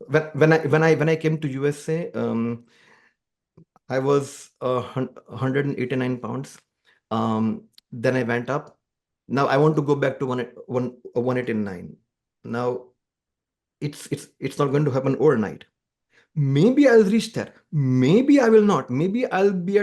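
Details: Adult man, a musician who stammers and says music has helped his stammering, in conversational speech: stuttering (stammering).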